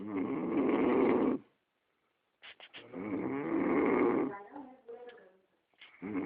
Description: wine,vodka n a liter of milk can cause serious snoring!!!